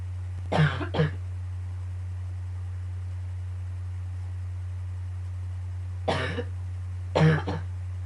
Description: I just woke up and went right into a coughing fit.started to hurt at the end :/